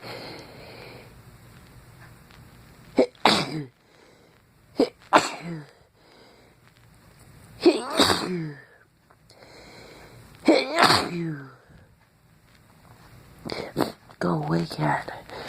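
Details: A man at night in a dark basement suddenly sneezes after hours without sneezing, with watering eyes and runny nose; he mentions a mouse but doesn't think he's allergic: about five sharp sneezes, some with drawn-in breaths; sneezing.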